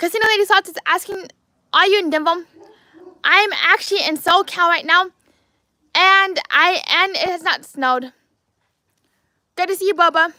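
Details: Adult man with lifelong apraxia of speech, diagnosed at age four: apraxia of speech.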